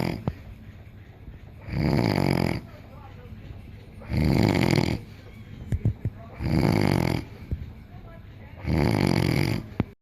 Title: Snoring - Passed out cold